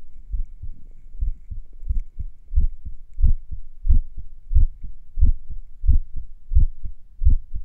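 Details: Low thudding heartbeat around 90 a minute with slightly uneven spacing and pauses, recorded a few minutes after morning exercises: sinus arrhythmia during recovery.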